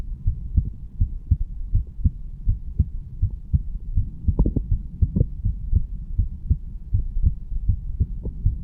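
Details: Normal adult heart sounds from a 35-year-old standing male, recorded at the mitral (bicuspid) valve area: steady low lub-dub at about 80 beats a minute under a rumbling hum.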